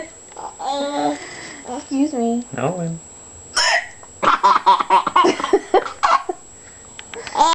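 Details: Infant boy laughing and babbling at his mother's sharp, abrupt adult hiccups; hiccups.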